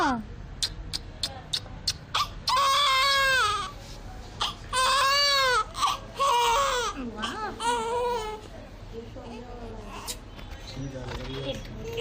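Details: A newborn baby girl on her first day cries in loud, high-pitched wails broken by short gasping breaths, with a few quieter whimpers between bouts.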